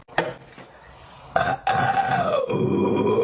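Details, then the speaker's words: Woman burping on purpose after drinking Cactus Cooler soda, producing burps by sucking air into her belly. A few brief knocks, then a long, low, voiced belch whose pitch slowly falls. "so I'm going to try to show you how like I do the burp so I start with like sucking in air so like when I do it I go like so it's like that I just like suck it in my belly somehow"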